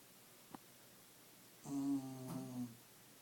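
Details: Scottish Terrier (Scottie) dog snoring loudly: a single drawn-out, droning, buzzy snore of about one second after a faint click in a quiet room.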